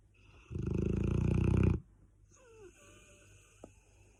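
One loud, long, fluttering rattle on a breath, then quiet breathing and faint room noise. Loud snoring in a large dog.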